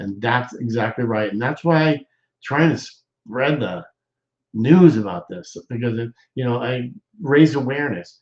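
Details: Aphasia in a male stroke survivor, with hesitations and word-finding pauses; he says doing his show is therapy for his aphasia.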